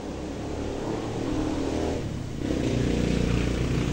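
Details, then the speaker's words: Suction machine under a month old that would not power on, repaired by replacing its switch, now running and building pressure: steady loud low motor hum that rises in pitch partway through. "Ayun pagsaksak na ilaw na pagka nagkakaroon ng pressure Ibig sabihin maganda Okay yan gumagana ng maayos"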